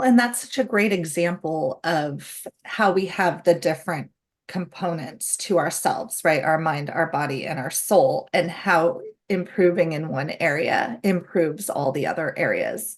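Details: Adult woman speaking; typical speech.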